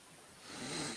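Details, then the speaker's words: Person with asthma and a cold, not using their inhaler, takes a single noisy breath with a faint musical whistle building toward its end; audible asthmatic wheezing. "i can't even hear me wheezing yeah they can hear you honey they're worried about you"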